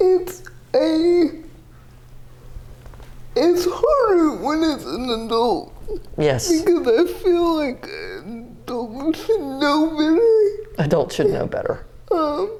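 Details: Dysarthria in a 30-year-old woman with GMFCS level 4 cerebral palsy, quadriplegia with an athetoid component; speech is somewhat hard to understand because CP affects her muscles.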